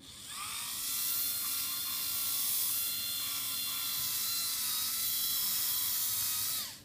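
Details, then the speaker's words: Dental polishing with prophy paste across the gingival margin of each tooth: steady high whirring of a slow-speed handpiece, pitch dipping briefly as the cup meets teeth. "what I'm going to do is I'm just going to make sure I come across the ginger B margin and then clean the tooth"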